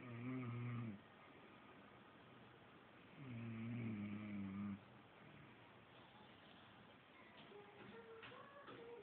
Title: snoring